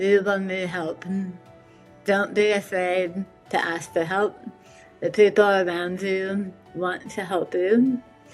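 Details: Articulation impairment after partial glossectomy in an adult woman with metastatic tongue squamous cell carcinoma; 70% of tongue removed in 12-hour surgery with reconstruction, then radiation and chemotherapy; speech relearned with speech therapy.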